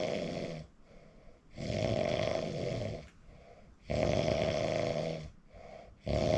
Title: recording myself WOW I REALLY SNORE SNORE 😴 😪